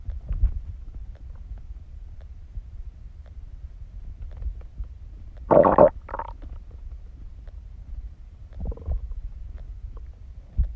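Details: Stomach growling (borborygmi) while digesting: digestive rumbling and gurgling noises from the stomach.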